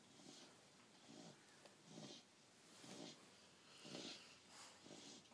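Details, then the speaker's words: Soft, rhythmic, noisy breathing about 60 a minute from a dog sleeping on a pillow; ordinary snoring. "Somebody's out cold and snoring on Daddy's pillow."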